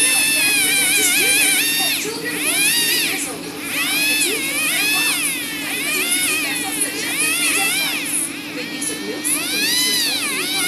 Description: More footage of my dental visit! My tooth filling procedure was done already, but this time, the dentist had to drill and polish the new filling to remove any excess and rough surface, as well as to prevent any teeth grinding.